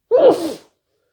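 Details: Morning sneezing fit while still lying in bed: a single short, voiced sneeze with a gasping onset.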